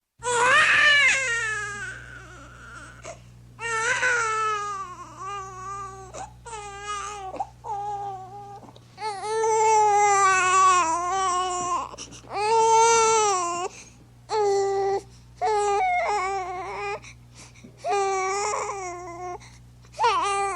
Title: Baby Crying Sound Effect